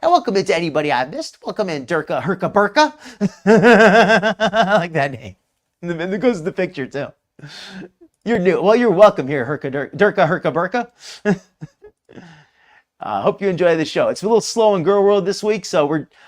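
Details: Adult speaker, livestream host; ordinary speech.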